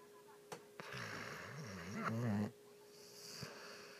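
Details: Low, rumbling snore with a wavering, whistly tone during one long breath against a steady room hum, described as snoring like a middle-aged man.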